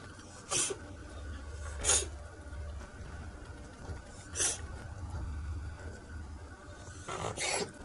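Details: A cat with a common cold, which had lost its sense of smell and stopped eating for three days, gives a sneezing volley: four short, sharp sneezes in about eight seconds over low steady background noise.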